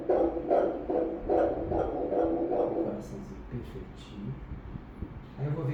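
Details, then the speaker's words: Normal fetal heartbeat on Doppler during a second morphology ultrasound, baby in breech (sitting) position, four-chamber view normal: fast, regular whooshing beats at 146 a minute, fading into softer murmuring noise. "Vamos escutar o coraçãozinho. Certinho, a frequência cardíaca 146."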